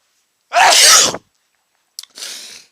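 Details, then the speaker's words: One loud, explosive sneeze, then a sharp intake and a softer breathy exhale after a pause. The person is repeatedly sneezing after sniffing chhinkni (sneezing powder) into the nose, with watery eyes and runny nose. "I just sneezed again you probably guessed that I feel another I feel a sneeze coming on ah that was another gigantic sneeze"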